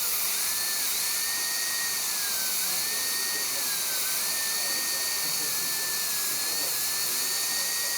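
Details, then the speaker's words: Steady high-pitched whine with a faint hiss, pitch dipping briefly under load, from a dental high-speed handpiece with a 1557 carbide bur during proximal reduction for an all-ceramic crown prep on tooth #9; the operator suspects the turbine may be failing. "turbine almost sounds like it's starting to go on this hand piece we'll see here"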